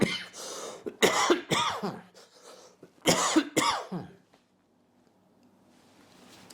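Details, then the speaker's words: Harsh, loud coughs in two clusters, about five in all, then quiet room noise; cough. "This guy has a cough, and he's giving it to me. Thank you very much."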